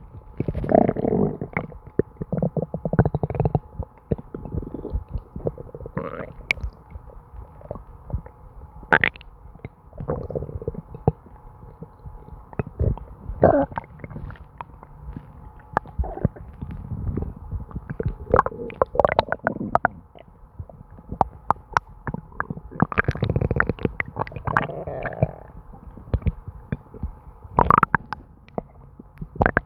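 Near-continuous low gurgling and bubbling from the abdomen, ordinary bowel sounds of gas and fluid moving.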